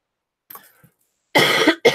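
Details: After a faint rustle, two sharp, harsh cough bursts in quick succession with no audible rattle: a dry cough, with a still-running nose, on the first day of feeling better after illness.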